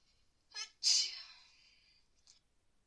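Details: Person with a very bad cold and fever, after bathing in a freezing pool: a short inward breath, then a sharp hissing burst that fades out, a sneeze during frequent cold sneezing.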